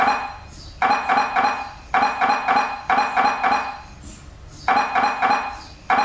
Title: "mri sounds" 2021